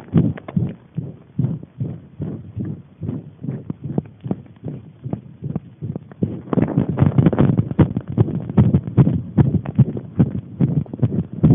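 Fast, fairly regular low thumps of a heartbeat, about 150 a minute, growing louder partway through.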